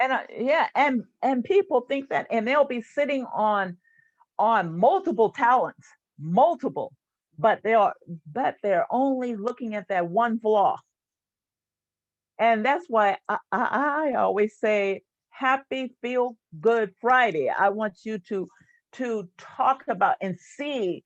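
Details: Stuttering in an adult woman, a stuttering support group leader.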